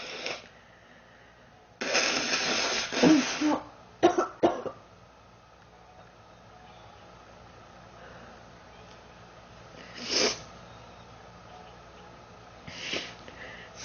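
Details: Girl who says she is sick, feels hot and mentions 3 weeks: a long harsh cough followed by short bursts and a few further coughs with quiet gaps, persistent coughing.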